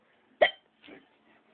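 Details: Person with hiccups in a quiet room: one sharp, abrupt hiccup followed by a soft breath; hiccups.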